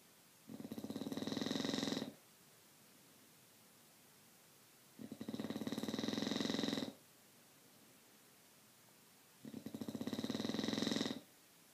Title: snoring